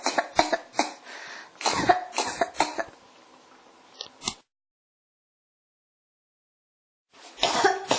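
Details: Persistent repeated cough, recorded as ASMR: several rapid, harsh coughs and throat clearing in clusters, a pause, then more coughing.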